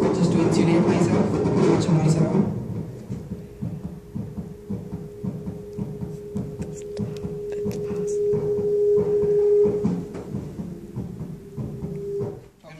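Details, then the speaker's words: Own heartbeat through a homemade carbon-microphone digital stethoscope and amplifier circuit: regular low thumps with hum and handling noise. Rate is slightly fast, attributed to nervousness while recording. Normal heart sounds, mildly fast rate. "recording this so I'm nervous which is why it has a bit faster than expected."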